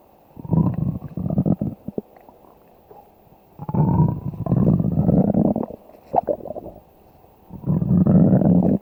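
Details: Stomach growling (borborygmi): bursts of low, rumbling gurgles separated by quiet gaps.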